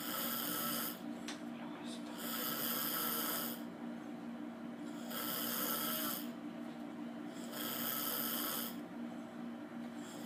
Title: snoring